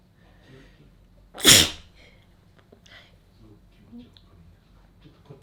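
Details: A single sharp, hissing sneeze burst in a quiet room, with faint small sounds afterward; sneeze.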